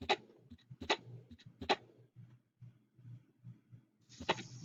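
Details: Teaching example of heart murmurs from a cardiac-focused assessment: low, steady heartbeats near 75 a minute with sharp bursts of sound over them.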